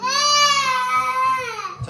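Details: Newborn girl waking and wanting milk as her mother leaves for her one-month postpartum checkup: steady, loud, high-pitched sustained wailing without pauses; a hunger cry.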